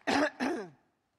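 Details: An adult woman's coughing fit during a speech: two short, harsh, voiced coughs in quick succession, the second trailing off with a throaty tail.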